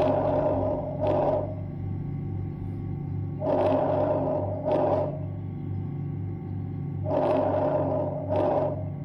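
Soft, low-pitched rustling breaths, inspiration longer than expiration, about 16 a minute: normal vesicular breath sounds.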